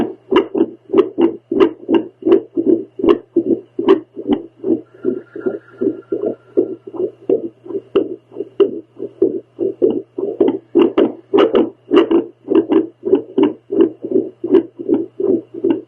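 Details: Adult woman's own heartbeat on a home heartbeat Doppler while trying to calm it with a breathing exercise: fast whooshing pulses around 150 a minute, unevenly spaced; irregular heartbeat.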